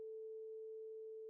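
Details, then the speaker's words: Rinne test: steady pure hum of a vibrating tuning fork placed against the mastoid bone, sound reaching the inner ear by bone conduction, before being held beside the ear to compare with air conduction. "Place a vibrating tuning fork against the mastoid bone. Sound waves now travel to the inner ear via bone conduction."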